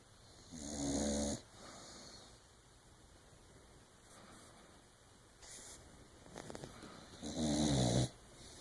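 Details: Two loud, rattling snores on the in-breath about seven seconds apart, with quieter breathing between, from a sleeping pet; snoring.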